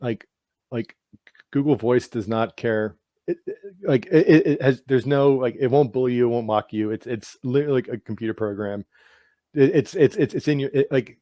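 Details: Adult man with lifelong stuttering; word repetitions occur in this clip.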